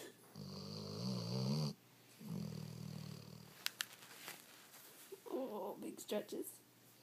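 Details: Dog relaxing on the couch after a rough day, snoring: two long, low rattling snores followed by snuffling in a quiet room.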